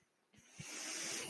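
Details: Mechanical ventilator breath: after a near-silent start, a soft airy hiss rises and holds steady as the speaker's own ventilator delivers a breath during his podcast recording.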